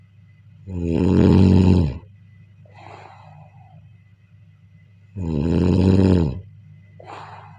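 Deep, loud vibrating snore on each in-breath, then a short breathy out-breath, repeating steadily; snoring.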